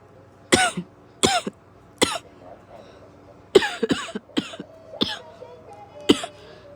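About nine coughs over seven seconds, single at first, then a closer run of dry, harsh bursts. Repeated coughing.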